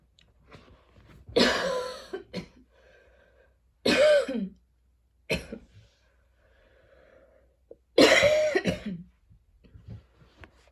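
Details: Person with a lingering cough, heavy breathing and throat tickles, coughing while studying: three harsh, forceful coughs a few seconds apart with throat clearing in a quiet room, a persistent cough.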